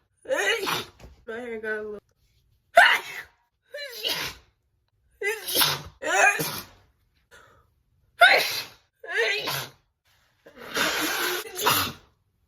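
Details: A run of sharp explosive sneezes with gasping in-breaths, ending in a long noisy nose blow, from a person who attributes it to hay fever with a cat nearby; allergic sneezing.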